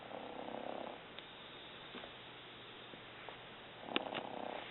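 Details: Mother snoring while asleep: two soft, fluttering, purring breath sounds about four seconds apart with quiet between; snoring.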